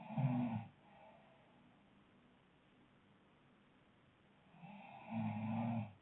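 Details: Couple snoring: two loud, rumbling inspiratory snores about five seconds apart with quiet breathing between.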